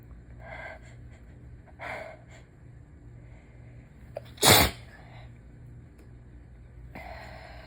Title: Super strong, SERIOUSLY messy sick sneezes